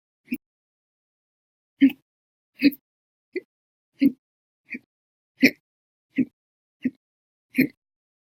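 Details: Run of about ten abrupt, short voiced hiccups in eight seconds at slightly irregular intervals, from a 13-hour 20-minute hiccup episode beginning after meals and a cup of soda after dinner.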